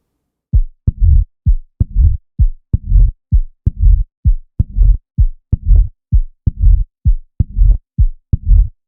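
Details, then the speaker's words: Mitral stenosis in a 49-year-old woman with palpitations and chest pain: low, rumbling late diastolic crescendo murmur at the fifth intercostal space midclavicular line. Heard best in left lateral decubitus on held expiration; regular heartbeat about 65 a minute. "and the last one was a woman with a rumbling late diastolic Crescendo murmur heard best on expiration which makes you think mitral and it's heard best in the left lateral decubitus position which also makes you think mitral so this is mitral stenosis"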